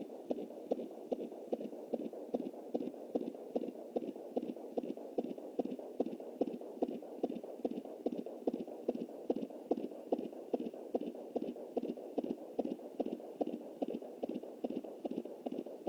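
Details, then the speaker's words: Fetal heartbeat at 20 weeks 7 days of pregnancy, anterior placenta, on a Jumper home Doppler: rapid, regular galloping whooshing thumps at about 146 a minute. This was a normal-sounding fetal heartbeat; the baby was later stillborn at 28 weeks. "So I just wanted to say, that's the heartbeat."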